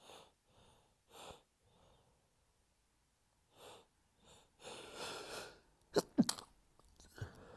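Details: Allergic sneezing fit at home: a run of soft sneezes and breathy huffs, then a few sharper sneeze bursts.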